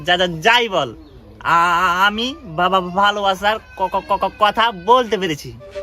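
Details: Male actor in a comedic Bangla drama short portraying a stuttering character, with repeated syllables; stuttering (acted).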